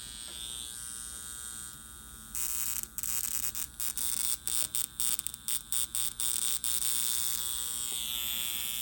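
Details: High-frequency facial device running: high-pitched electrical buzz with crackling bursts as the electrode is tapped over the skin for breakout spot treatment, dial at about 2.5 of 5, finger placed on the device to ground it.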